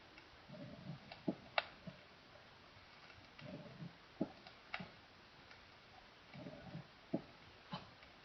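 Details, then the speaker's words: Presystolic crescendo rumbling murmur of advanced mitral stenosis, rising into and ending abruptly in a sharp (not necessarily loud) mitral first sound; distinguished from a decrescendo rough apical systolic murmur. "fortunately for us a presystolic murmur is always associated with and ends abruptly in a sharp micro first sound"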